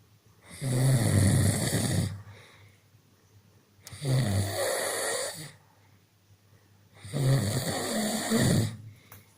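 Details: Man snoring during sleep. Snoring.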